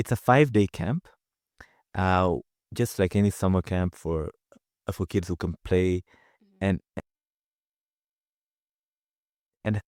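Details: Adult man from Zanzibar who stutters and works with a community of people who stutter; stuttering.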